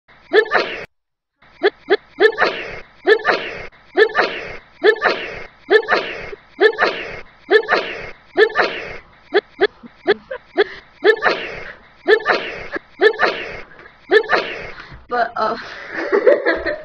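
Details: A long run of about twenty quick, evenly repeated sneeze-like bursts, roughly one a second, in a rapid series.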